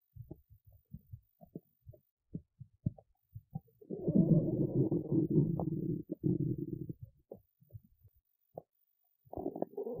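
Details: A woman who skipped lunch and is hungry: scattered soft pops, then a long, low, rolling growl from her belly, ordinary hunger rumbling (borborygmi) of the stomach and bowel.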